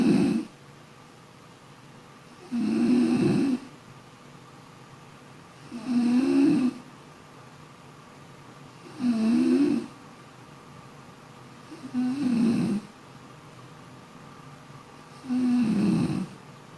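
Loud, regular snores on each in-breath, about 19 a minute, with quiet breathing in between: ordinary snoring during sleep.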